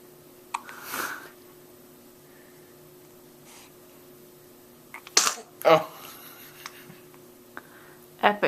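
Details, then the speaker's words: A sharp little sneeze from a 4-week-old baby boy amid soft hiccups, coos and faint hum, recorded on a Flip Video camera: infant sneeze. "We got hiccups and a sneeze on the same video. That was rough."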